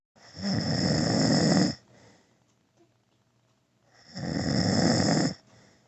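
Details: An adult man (a father) snoring during sleep: two loud, rough, rattling snores of over a second each, with quiet pauses between breaths; heavy snoring.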